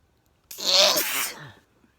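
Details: Single unexpected sneeze at night while sitting outside: a loud, hissing sneeze burst after a brief quiet intake, lasting about a second.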